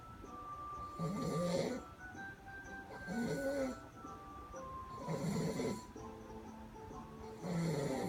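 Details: Snoring recorded 11/01/15 in Paterson, California: rough snores recurring about every two seconds, with faint tonal background noise that may be music.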